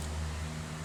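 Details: Steady low motor hum of a BM2 phlegm suction machine running, with no clear slurp or gurgle of fluid in this brief moment.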